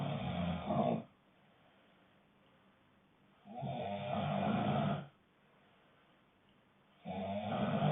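Loud, rough snores about 1.5 seconds long, separated by quiet gaps of about 2 seconds, roughly 17 a minute.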